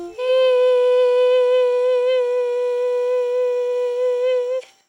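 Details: Young college woman one month after laser surgery for a vocal fold polyp; the vocal folds are fairly flexible and her voice is fairly normal. Finding: near-normal voice after vocal fold polyp surgery.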